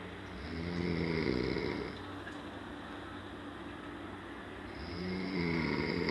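Loud, rough, buzzing snores on each breath in, two in six seconds, with a quieter breath out between; ordinary snoring.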